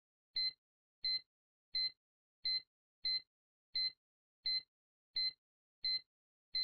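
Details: Steady high-pitched beeps, about 86 a minute and evenly spaced, from Dart Sim ECG simulation software set up to look like a bedside cardiac monitor; simulated heartbeat beep, not a real patient.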